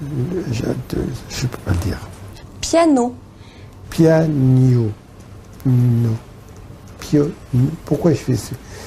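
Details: Man with aphasia after stroke with right-sided hemiplegia, speaking in a speech therapy session, with word-access difficulties; post-stroke aphasia.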